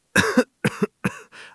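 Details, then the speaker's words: Simple acted cough, deliberately imitated by an adult in an English lesson about being sick: a short run of three sharp cough bursts with a fading voiced tail. "I can't stop. I have a cough."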